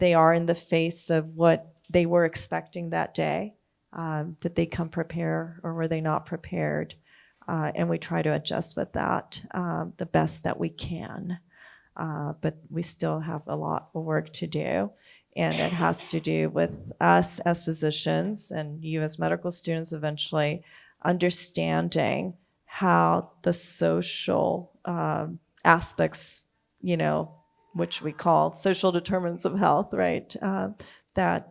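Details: Adult speaker, lecture-style monologue; normal speech.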